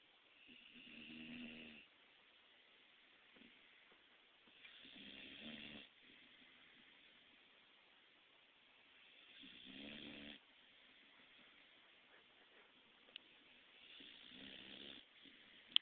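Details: 3-month-old Pitbull puppy napping: soft, fluttering snores about every four to five seconds, roughly 13 a minute, over faint hiss; gentle snoring.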